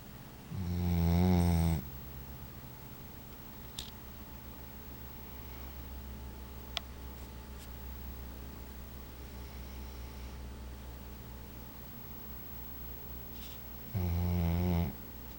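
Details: Sleeping dog snoring: two deep, rumbling snores about twelve seconds apart over steady room hum with faint clicks between them; the dog then seems to wake at a noise.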